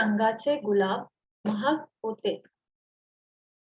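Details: Cleft palate speech sample two, used in a teaching module on cleft speech errors; weak pressure consonants.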